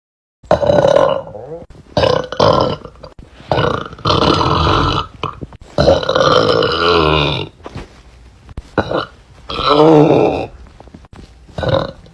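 A series of loud, drawn-out voiced belches with short gaps between them. Repeated burping.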